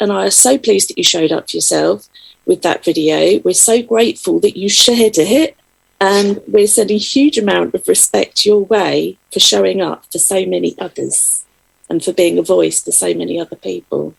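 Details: Adult speaker, likely woman; normal speech.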